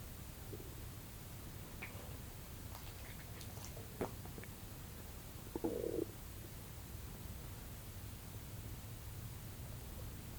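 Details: Stomach sounds recorded with microphone focused on the belly: soft gurgling rumble and a few faint squeaks over quiet room hiss; borborygmi.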